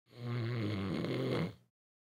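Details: Single low rumbling human snore lasting about one and a half seconds, from a sound-effect recording; snoring.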